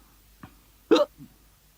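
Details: Hiccups after eating crumpets, before being given medicine for them: a short catch, then one sharp voiced hiccup with a faint after-sound in a quiet room; hiccup.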